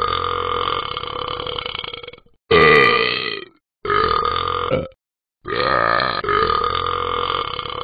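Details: Simulated burping by the animated app character Talking Ben the Dog: four long, loud, drawn-out burps separated by short silences; not a real person or animal.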